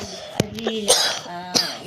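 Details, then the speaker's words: Adult who describes having a severe cough: three short, sharp cough bursts over a steady humming background. "എനിക്ക് ഭയങ്കര ചുമയുണ്ട്. അതകൊണ്ട് പറ്റുകയില്ല guys. നല്ല ചുമയാണ് ട്ടോ guys"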